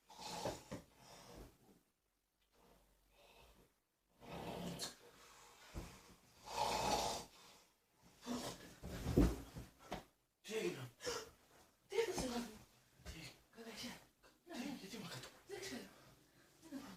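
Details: Irregular short snorting and snuffling breaths separated by pauses in a quiet indoor room, from a sleeping male presented as snoring; snorting.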